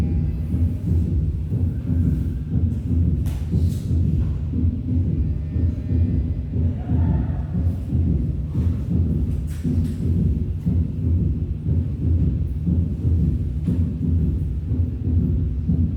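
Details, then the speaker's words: Third heart sound (S3): dull low-pitched extra sound just after the second sound, heart rate about 60 a minute, from rapid ventricular filling in diastole. "Se puede producir este tercer ruido por un golpeteo de la sangre en las paredes del ventrico."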